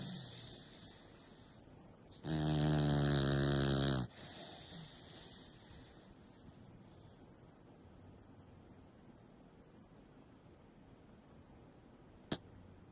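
One loud, rattling snore lasting about two seconds, followed by quiet breathing and a brief click near the end.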